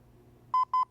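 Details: Two short, steady electronic tones from a LIFEPAK 20e defibrillator/monitor in AED mode, marking automatic ECG rhythm analysis ("analyzing now, stand clear") before a shock-advised decision; AED mode intended for unconscious, pulseless cardiac-arrest patients at least eight years old.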